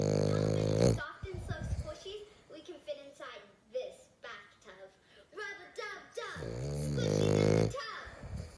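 A small flat-faced dog makes loud, drawn-out snoring breaths with snorts and smaller snuffling sounds between them. Noisy breathing through a narrowed airway.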